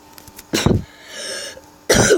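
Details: Two short, harsh cough bursts separated by a brief pause; a plain cough.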